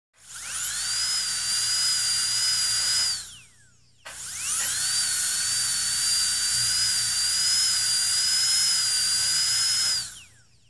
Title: Dentist Drill Sound Effect (Royalty Free)